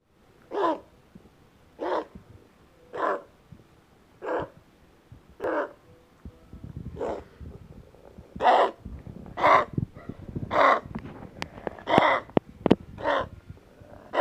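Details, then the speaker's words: A dog, seemingly congested with a runny nose, gives a run of about eleven short, harsh hacking coughs, roughly one a second; owner wonders if it is kennel cough. "And he keeps doing this hacking thing. It sounds different now. You okay, baby? Oh, dogs. What if it's kennel cough and you just happen to pick it up?"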